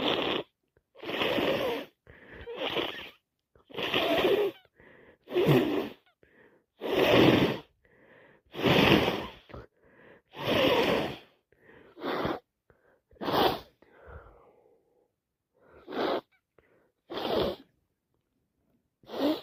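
Repeated wet, forceful nose blows and sharp sniffs, about a dozen bursts, typical of a congested, runny nose from a cold.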